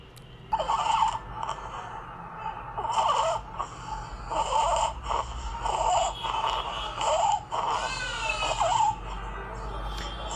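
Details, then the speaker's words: Inspiratory stridor from congenital laryngomalacia in an infant, present since birth: noisy breathing with repeated high crowing sounds on each breath-in, with chest and neck retraction, worse lying down and gone when held upright with head raised. "এই ধরনের বাচ্চাদের এই শব্দটা বিশেষ করে শোয়ায় রাখা অবস্থায় বেশি হয়। হ্যাঁ, যখন দেখবেন বাচ্চাকে যখন আমরা এরকম একটু উঁচু করে ধরি, মাথাটা একটু উঁচু পজিশনে যখন ধরি, তখন এই শব্দটা আর থাকে না।"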